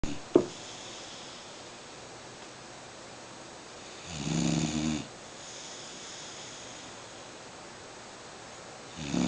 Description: snoring.